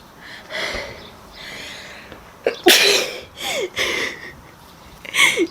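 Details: Several sharp, explosive sneezes with quick inhalations between them in a quiet room, triggered during a COVID-19 nasal swab self-test, one person mentioning allergies; sneezing.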